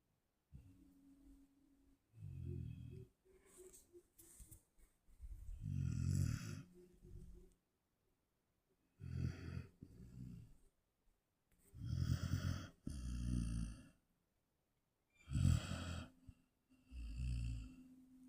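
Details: Snoring in a sleeping Dogo Argentino or Cane Corso dog: loud, low rumbling snores in repeated bursts with quiet gaps between breaths.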